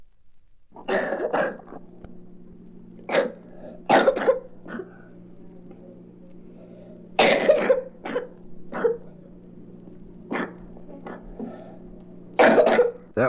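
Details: A child gives repeated short, harsh coughs in clusters, about ten bursts with throat clearing, over a steady room hum, from a 1967 recording: cough from allergic postnasal drip.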